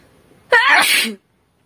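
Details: A single loud, sharp sneeze with a brief inhaled lead-in, acted by a woman for a sneezing and nose-blowing challenge video.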